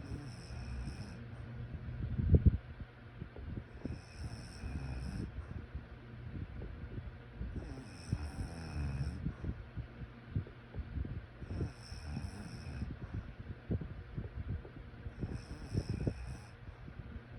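Rhythmic low rattling snores on each breath in, about every 4 seconds (around 15 a minute), with faint background noise: snoring during sleep.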